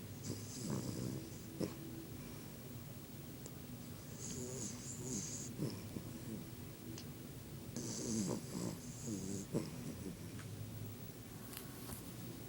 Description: My Dog snoring away